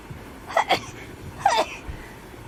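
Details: Girl sneezing rapidly: two quick short, sharp sneezes in a row, then a third a moment later; rapid sneezing.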